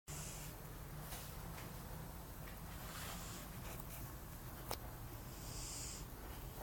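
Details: Domestic pet cat snoring while asleep: low, steady rumbling with faint soft snorts in a quiet room.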